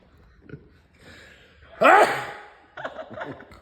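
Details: Elderly grandfather takes a quick intake of breath, then gives one loud, explosive sneeze followed by a short voiced exhale: sneeze.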